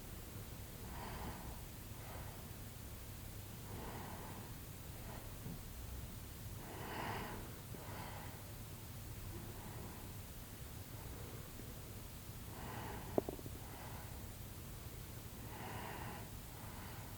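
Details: Person napping after a tiring morning outdoors: soft, rhythmic snoring breaths every few seconds over a steady low room hum; ordinary snoring during daytime sleep.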